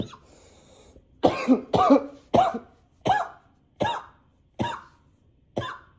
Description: this cough is nonstop...